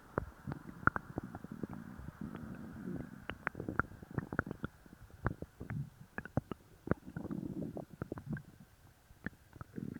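Continuous gurgling, bubbling and popping stomach noises: loud, active bowel sounds after taking a laxative.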